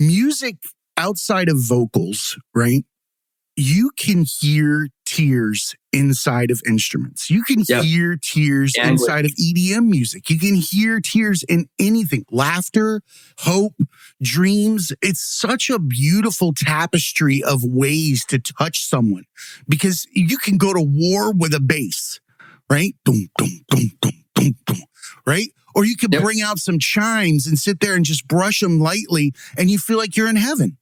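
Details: Adult male speaker; typical speech.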